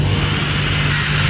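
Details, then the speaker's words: Dental drill (micromotor with contra-angle) cutting dentin during Class I amalgam cavity preparation on a premolar practice tooth; steady high-pitched whine with low grinding hum, easier cutting than enamel. "ketika kalian mengebur di bagian dentin dengan bagian enamel itu akan terasa perbedaannya enamel adalah jaringan tubuh yang paling keras bahkan jauh lebih keras daripada tulang bahkan denkin pun masih lebih keras daripada tulang jadi otomatis ketika kalian sampai di dentin nanti ngeburnya akan lebih gampang ya"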